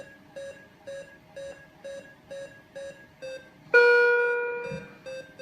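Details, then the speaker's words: Repeating beeps from an ICU bedside monitor, about two a second, broken by a longer, louder tone: a patient monitor warning alarm shown to illustrate alarm tones and alarm fatigue. "Okay, just pay attention to the different tones that are coming."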